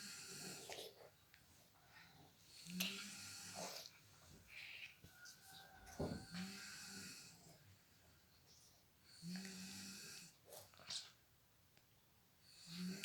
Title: Baby's fun while mother's snoring